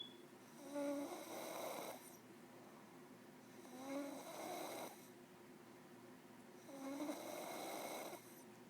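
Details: In deep sleep, three slow, rasping, fluttering snores on breathing in, about 19 a minute, with quiet pauses between, which is ordinary snoring.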